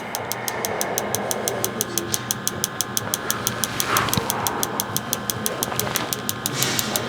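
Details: Focused shockwave therapy on a former football player's right knee for patellar tendinitis, adjusting angle over the tender area at a tolerable level: rapid regular clicking pulses about three per second over a low hum.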